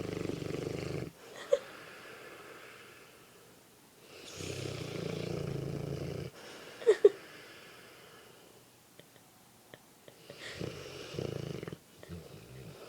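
Deep, rumbling snores about every five seconds, each lasting a second or two, from a sleeping large dog; ordinary sleep snoring.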